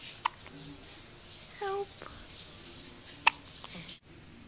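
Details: Two sharp, sudden hiccup-like catches about three seconds apart, with a short vocal sound between them, from a girl described as always having hiccups; hiccups.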